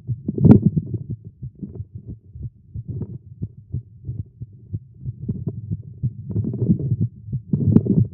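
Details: Male heartbeat after exercise and caffeine: rapid, slightly uneven low thumping at roughly 130 beats a minute with a faint hum; fast heartbeat, tagged as irregular.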